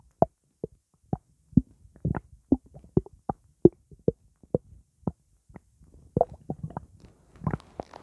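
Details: Stomach sloshing after drinking blackcurrant juice: a series of short, hollow plops and gurgles of fluid moving in the stomach, normal.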